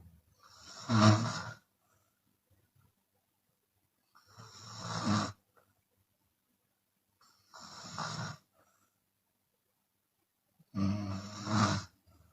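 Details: Chinese woman snoring with her mouth open, sometimes exhaling audibly: four rough, rattling, airy snores about every three seconds with silent gaps between; open-mouth snoring.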